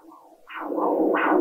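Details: Pulsed-wave Doppler on a GE Venue point-of-care ultrasound system, with the sample gate placed on a vessel: a whooshing, pulsing flow signal that rises as the volume is turned up.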